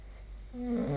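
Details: Snoring during sleep, recorded with the SnoreLab snore-recording phone app.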